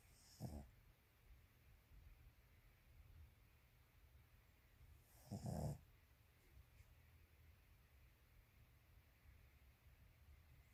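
Two short, snorting snores about five seconds apart in a quiet room; dog snoring.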